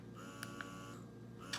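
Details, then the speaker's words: Freemie Independence hands-free double electric breast pump running at a reduced speed: low steady motor hum with soft mechanical clicks; electric breast pump running. "And then you just turn it up. And this is what you would normally do, is just keep it on this mode and get your milk flowing."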